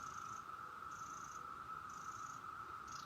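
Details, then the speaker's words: Motif Luna double electric breast pump being demonstrated: quiet steady hum with soft rhythmic pulsing about once a second, running in massage mode. "here's the front of it you have the power button right there it is here it's starting to go and turn it back off here in a second"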